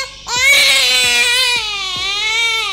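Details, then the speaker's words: Newborn boy in his first week of life, described as irritated and hypersensitive, crying: a loud, high-pitched sustained wail with a rising start and slightly wavering pitch in a small room. "calm down calm down how do you weigh me okay okay no no no no no no no no no no no no no no no he's so irritated by every single little thing really yes he's hyper sensitive"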